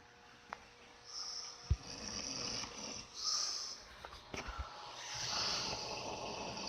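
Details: A female dog snoring, recorded close up during sleep: soft, hissing, snuffly snores with a few clicks and bumps nearby.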